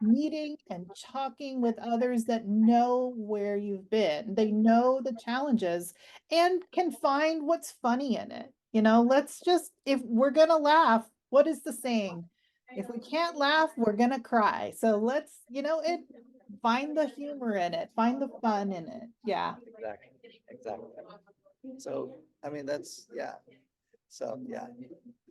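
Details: Adult woman speaking; typical speech.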